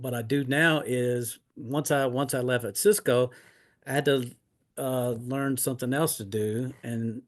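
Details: Adult man with aphasia after two mini strokes in 2016; now retired and disabled.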